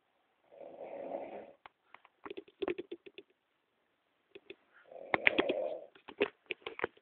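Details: Adult woman snoring in a hotel room at night: two rough, breathy snoring breaths with sharp clicking and smacking from her jaw between them; ordinary snoring.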